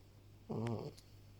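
A single brief, low, rattling snore over a steady room hum. Snoring.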